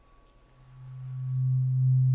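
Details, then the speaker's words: Simulated ASMR doctor roleplay of a cranial nerve hearing test: a tuning fork is gently struck and held by the ear, giving a steady, low, pure hum that swells slightly before a brief soft voice. "now keeping your eyes closed I'm going to gently strike this tuning fork going to hold it by your ear and you should feel or hear a buzz"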